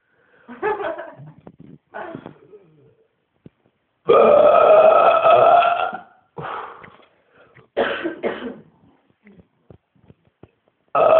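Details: Man deliberately burping after eating kebab and drinking cola: a run of throaty bursts with one long, drawn-out rumbling belch in the middle, in a quiet room; repeated voluntary burping.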